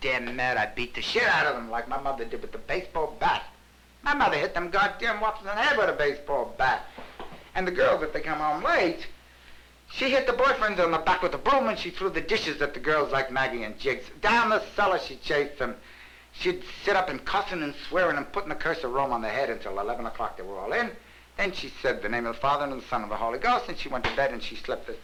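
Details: Talkative, excited hypomanic man in a 1961 psychiatric interview, showing psychomotor activity typical of mania and denial of depression; pressured speech (hypomania).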